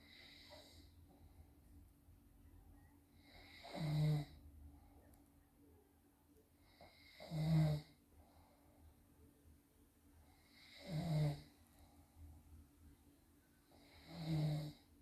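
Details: A father asleep, filmed by his wife or daughter because he did not believe he snores, gives four low, rattling snores every three to four seconds, about 17 a minute, with quiet gaps between them over a faint room hum. Snoring.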